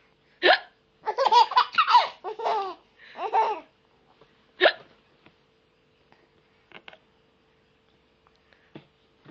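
Sharp, abrupt hiccup sounds from an adult alongside bursts of infant laughter, then a few quieter hiccup clicks; hiccups.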